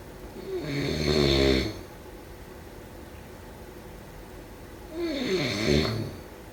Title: Snoring sound … #4